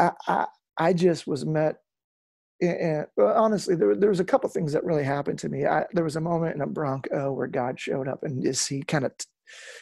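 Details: Real adult male lead singer with incurable spasmodic dysphonia that began at the height of his musical career and was first mistaken for hoarseness; he still struggles with it, and he says it is audible in his speech. Spasmodic dysphonia.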